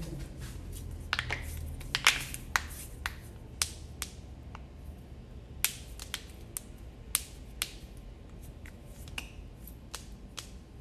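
Sharp, irregular pops and clicks, some loud and some faint, over quiet room noise: joint cracking.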